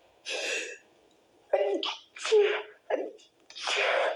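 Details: Person trying to hold back sneezes: a quick run of short, muffled, partly suppressed sneezes with catching breaths between them.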